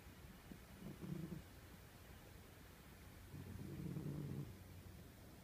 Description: Is there anything cuter than an old, lazy snoring cat? No.